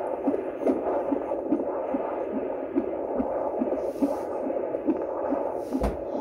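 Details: Normal fetal heart tones at a prenatal appointment: rapid, regular whooshing fetal heartbeat on Doppler at about 145 beats a minute, healthy heartbeat.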